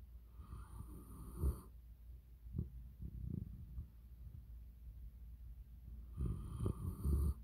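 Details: Sleeping Italian mastiff: low, rattling snores with snorty breaths between them, over a faint steady hum; dog snoring.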